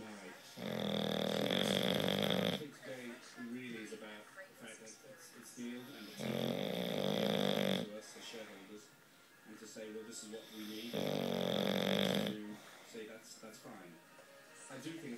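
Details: Three long, rough snores about every five seconds, each followed by softer exhalation, during sleep; snoring.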